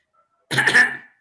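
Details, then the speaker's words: Tic (habit) cough imitated by a doctor at a paediatric cough workshop: a single light, dry, throat-clearing cough. It is described as a tension cough that occurs when the person is conscious of being observed. "tick off is you will cough when you are conscious or when you when you are seen when you are not observing I don't cough so cough is same it's like a light cough light cough means tension"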